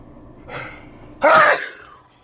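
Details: A short inhaled catch followed by one loud, explosive sneeze, billed as one of the loudest sneezes.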